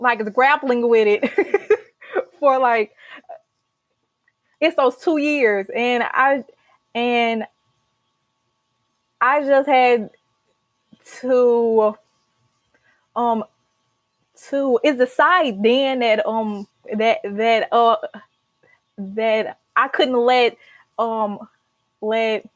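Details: Stuttering in an adult woman, a senior college accounting student, who has stuttered since childhood, has a family history of stuttering, and began speech therapy in college.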